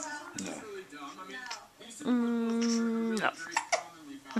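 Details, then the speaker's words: Young child with hiccups: a long held vocal sound, then short, sharp catches in the breath. "But it's not. He's got the hiccups."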